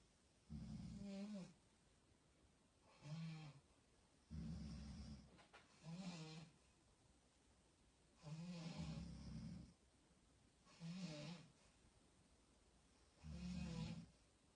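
Loud, rough, rattling snores about twelve a minute, uneven in timing and coming from more than one sleeper.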